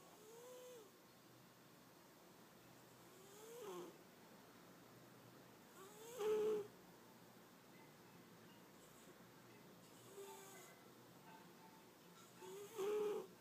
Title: Persian Cat snores!